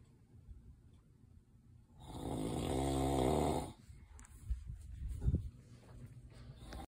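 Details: Snoring: one loud, deep, rattling snore lasting about two seconds on the in-breath, with quieter breathing around it.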